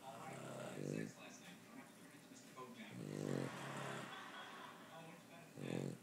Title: Yoda the Boston Terrier, and Dad snoring in harmony